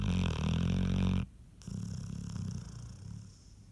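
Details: Loud low rumbling snore that stops abruptly, followed by a quieter, softer breathing rumble; ordinary snoring.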